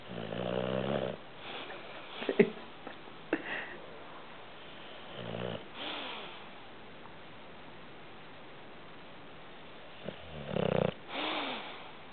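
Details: Sleeping dog snoring, with added audio in the background: loud rattling snores at irregular intervals with sniffing sounds in between.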